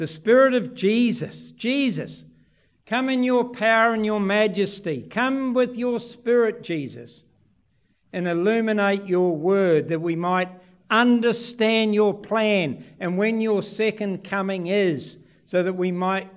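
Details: Adult male speaker; typical speech.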